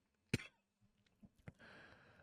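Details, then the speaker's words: An adult reading a book aloud gives a single sharp cough, then faint throat sounds and a soft breathy exhale in a quiet room; the cough ended the recording session. "However, as you can hear by the coughs in my voice, I do have to stop us there for today."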